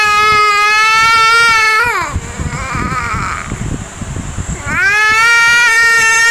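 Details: Loud, high, sustained wails with a wavering sing-song pitch from a baby boy, broken by a brief noisy gap before the crying resumes; infant crying.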